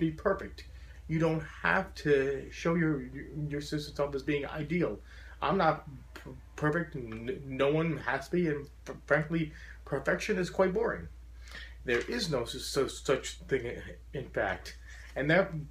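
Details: Adult man who describes his stutter as very profound, wearing a SpeakEasy in-ear device while speaking to a stuttering support group; stuttering.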